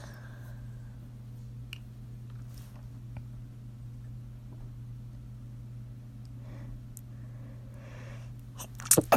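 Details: Faint, muffled stifled sneeze bursts held back in the throat and nose, over a steady low room hum.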